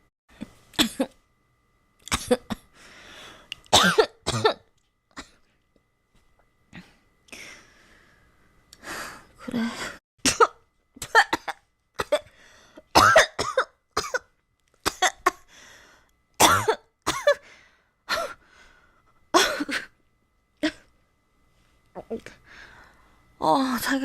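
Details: Girl coughing, possibly with a cold and fever: repeated sharp, harsh coughs in short fits with brief pauses, about twenty bursts in all.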